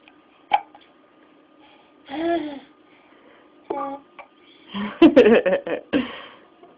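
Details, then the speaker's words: Infant hiccups: brief, sharp catching sounds mixed with soft coos and fussy sounds in a quiet room; the uploader later wondered if something else was happening, as the baby seemed to briefly check out and then was crabby. "you've got the hiccups, don't you? Got the hiccups?"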